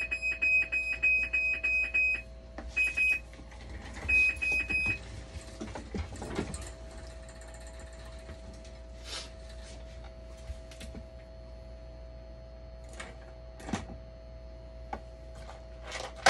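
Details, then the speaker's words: Hemodialysis machine sounding its minor blood leak alarm: rapid repeating electronic beeps over machine hum, then quieter clicks and handling; the alarm cannot be reset, and a continuously running drain suggests a membrane pad problem. "Yan, minor blood leak nakalagay. Blood leak. Hindi mo na marereset to pag blood leak."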